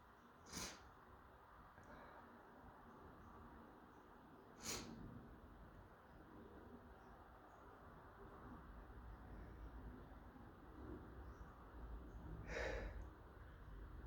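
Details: Three short, sharp sneezes spaced several seconds apart over a quiet background, from a person who thinks they may be coming down with something.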